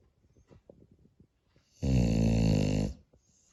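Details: Spaniel dog Holly snoring: soft snuffling breaths, then a single loud rattling snore lasting about a second.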